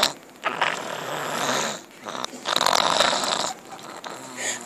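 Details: Loud, harsh, rattling snores in two long bursts over background noise, recorded in a library; snoring.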